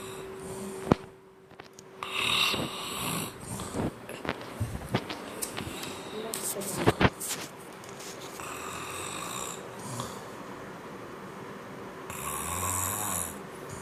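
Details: Person snoring during sleep: rough snoring breaths mixed with clicks, rustling and a steady room hum.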